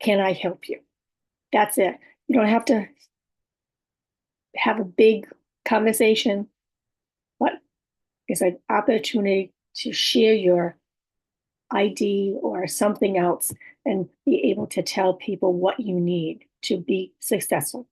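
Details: Adult woman with about six years of communication challenges who has aphasia, apraxia of speech and dysarthria, and whose speech is sometimes hard to understand; aphasia with apraxia of speech and dysarthria.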